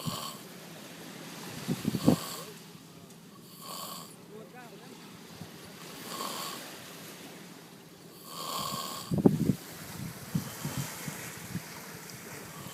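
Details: Irregular rough snores and snorts with breathy gaps and some background noise from a sleeping man, loud enough to drown out the sea waves. Snoring.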